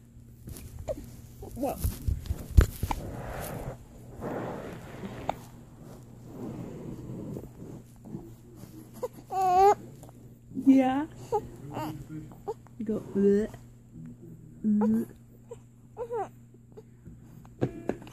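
Rustling and handling noise, then several short wavering infant cries and fussing sounds over a low room hum.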